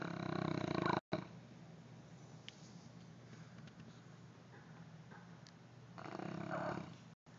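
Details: Sleeping Neapolitan Mastiff, a rescued former shelter stray being rehabilitated: rough, rumbling snores at the start and near the end, with softer breathing noise between them; snoring.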